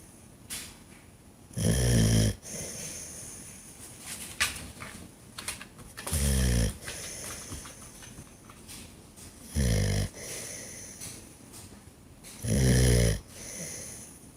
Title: Dog Snoring loud when sleeping